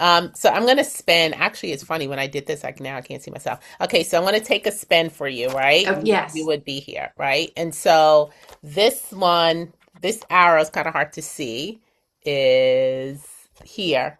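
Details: Adult woman speaking; Normal fluent speech.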